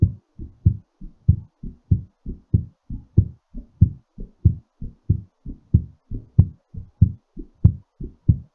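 Clear, regular lub-dub heartbeat at about 94 beats a minute, a normal rhythm slowing during recovery after exercise.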